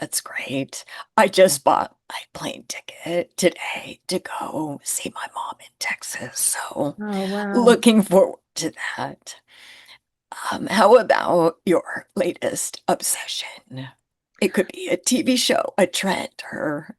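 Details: Adult woman with spasmodic dysphonia, which she calls a neurological condition. It is long-standing enough that talking this way has become her normal, and people often can't understand her on the phone; spasmodic dysphonia.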